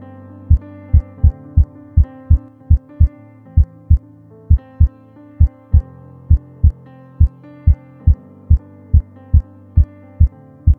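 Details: Heart sounds detected contactlessly by a vital-sign radar system: steady paired low thumps at about 67 beats a minute over background music; normal first and second heart sounds.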